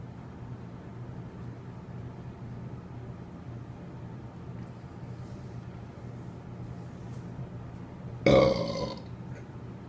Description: Letting out some nice deep burps!